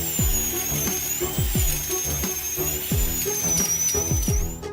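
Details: A high-pitched whining drill with steady gliding tones, plus repeated low thumps and clatter: a screw-thread dental implant drill bit widening the upper end of the hole in the alveolar bone, with saline spray for cooling.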